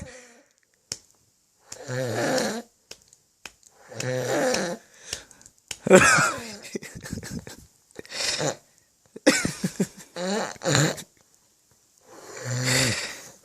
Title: drunken irishman snoring needed a few slaps 😂😂😂😂